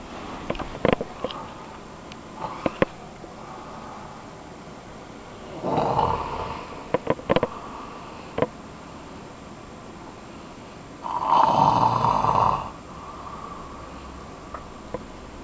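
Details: Two loud, rough, drawn-out inhaled snores about five seconds apart, with clicks and room noise, from an adult man sleeping in bed; snoring during sleep.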